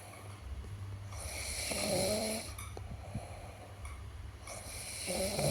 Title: Suara ngorok